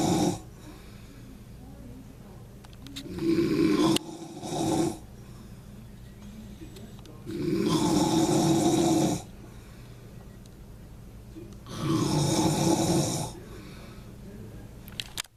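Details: Father asleep, snoring so loudly it scares the cat: loud rattling snores on the in-breath, about 15 breaths a minute, with quiet out-breaths between; heavy snoring.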